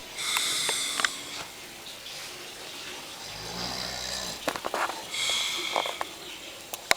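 Rough, rattling snores with each breath in, about two in seven seconds, against a hissing, water-like background.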